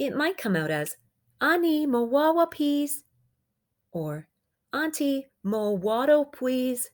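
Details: Acted adult imitation of a young child's phonological processes, simplifying words to make them easier to say; these processes are developmentally expected and are a concern only if they persist beyond the expected age.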